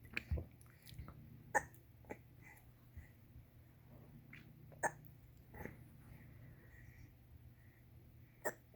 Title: 061620 baby hiccups and drools during tummy time